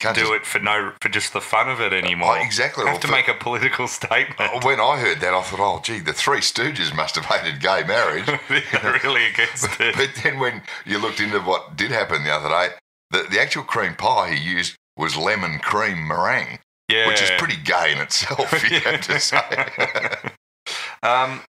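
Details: Adult male speaker, podcast-style conversation; ordinary conversational speech.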